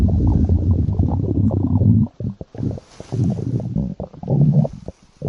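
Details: Loud, deep, sustained growling and gurgling from the stomach, then shorter rumbles. Ordinary stomach growling.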